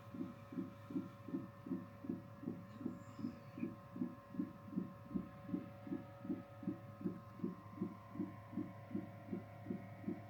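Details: Fetal heartbeat on CTG, monitored 30 minutes after waters broke, first-time mother in labour: rapid, regular whooshing beats about 150 a minute over a steady hum; baby reported fine.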